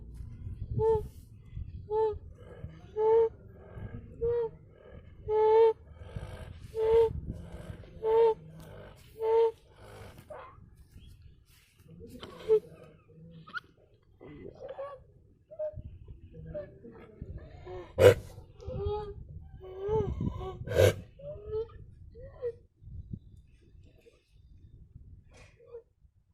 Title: Stridor in a calf